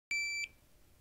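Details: A short, high electronic beep as a Philips HeartStart OnSite AED is switched on, before its spoken instructions, in a training demonstration.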